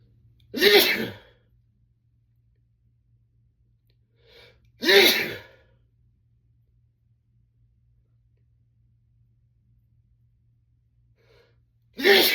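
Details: Male sneezing: three sharp, explosive sneezes a few seconds apart, each preceded by a short inhalation, in a quiet room.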